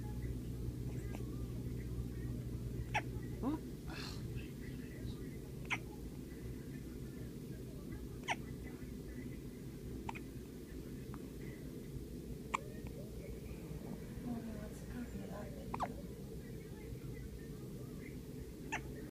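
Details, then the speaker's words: Hiccups in Tiger, a tiny kitten weighing 5 pounds 15 ounces: tiny, sharp squeaky clicks recurring every few seconds over a steady low hum, like a little squeaky toy. "And I'm so cute with the hiccups. Look at his face. Oh, baby. You sound like a little squeaky toy, buddy."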